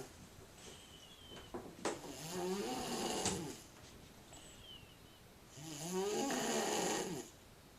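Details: Female sound asleep, snoring: two long, loud, rattling snores with quieter pauses between, about 17 breaths a minute.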